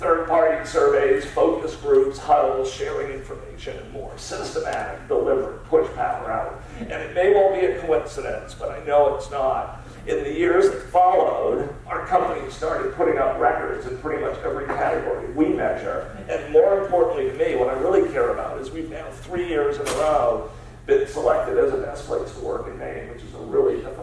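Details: Spasmodic dysphonia, a rare neurological disorder affecting only speech with no known cause, diagnosed at Mass Eye and Ear in an adult man treated with periodic Botox injections.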